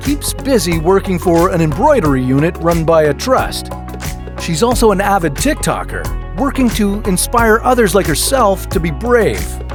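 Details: Adult narrator; normal speech.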